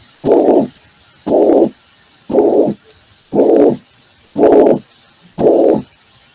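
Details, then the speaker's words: Systolic murmur of mitral regurgitation: six evenly spaced whooshing bursts at about 58 per minute, each filling systole with quiet gaps between, played as a recorded heart sound in a Spanish-language internal medicine valvular disease class. "ahora van a ver lo que es insuficiencia de se escucha bien no es un soo de tipo sistólico"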